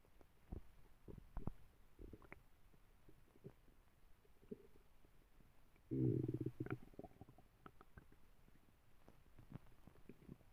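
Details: Sleeping dog with a very loud tummy: scattered soft gurgles with one loud, drawn-out rumble; ordinary borborygmi (stomach rumbling).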